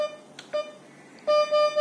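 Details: Mindray SK-600 II infusion pump at the end of calibration, after the actual volume is entered and OK pressed: a few short, bright electronic beeps as keys are pressed; ordinary keypad feedback.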